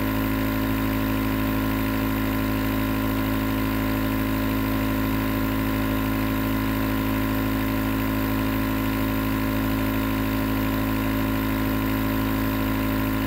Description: Enjoy 20 minutes nebulizer sounds that can help to relax the mind and body, relieve stress and make fall asleep fast.